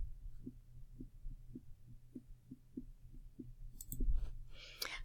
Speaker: This one is abnormal heart sound also. Hopefully you can hear that. Very irregular, very fast.